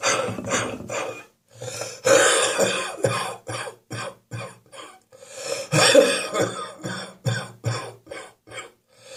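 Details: Adult with a spring cold and a real wheeze on the chest this morning: repeated harsh, wet coughs in clusters with throat clearing between bursts; chesty productive cough with wheeze.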